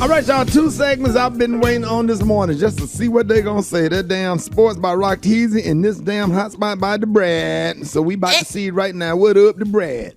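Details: Adult speaker, radio broadcast; normal speech.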